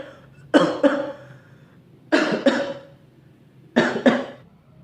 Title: Keluarga besse,!! Gara-gara batuk